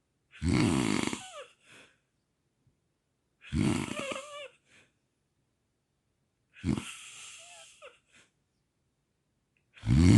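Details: Heavy snoring during sleep, loud coarse rattling snores about every three seconds (roughly 19 a minute) with quiet gaps between: snoring.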